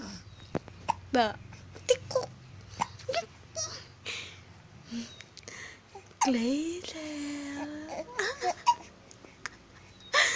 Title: Hiccups 😂